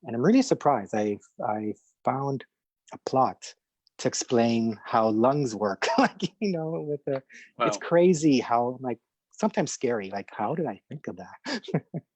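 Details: Adult man who stutters, speaking in a podcast interview; stuttering described as having both audible and hidden features; stuttering.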